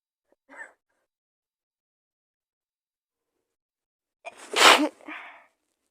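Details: Single acted sneeze by a girl, simulated cold with fever: a faint inhaled catch, a pause, then one loud explosive sneeze with a trailing breath.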